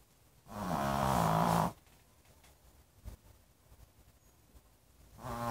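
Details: Dog snoring: a sleeping dog's snoring sounds.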